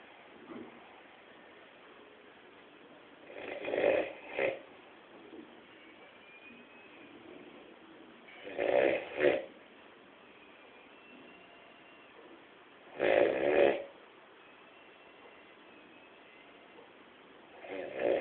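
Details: Snoring during sleep: rhythmic rattling snores on each breath in, about 14 a minute, separated by quiet exhalations.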